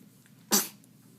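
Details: Newborn about 20 hours old: one short, sharp, hissing little sneeze against a quiet background.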